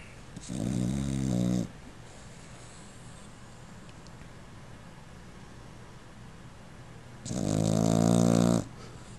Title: Snoring puppy